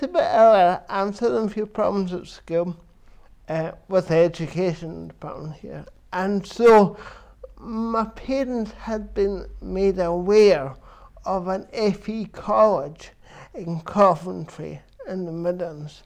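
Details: Adult man with cerebral palsy since birth, which he says affects his verbal communication, balance and coordination; dysarthria (cerebral palsy).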